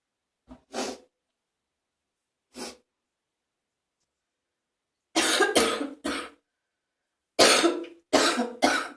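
About eight coughs, mostly in paired and tripled bursts with a wet, rattly quality; productive cough bringing up phlegm.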